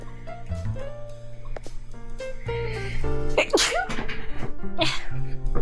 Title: Sneeze Is Way Too Cute 【Hololive EN】